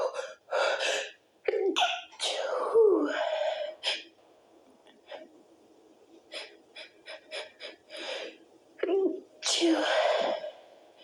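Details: Several held-back sneezes, short muffled bursts with snorts and gasps; the last few break through louder because some were too strong to stifle.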